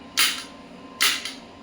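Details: Electromagnetic radial shockwave therapy applicator on the elbow joint at 1 Hz, starting energy 5 mJ: two sharp snapping pops about a second apart over a low fan hum; shockwave applicator firing.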